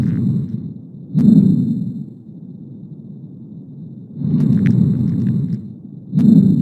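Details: Fine velcro-type crackles on chest auscultation, like pulling apart velcro: dry crackling bursts predominating during inspiration.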